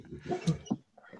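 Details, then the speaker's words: Sleeping dog snoring: low, rough snorting breaths, faint and irregular, in a quiet room. "Guys, can you hear my dog snoring? Oh yeah. A little bit."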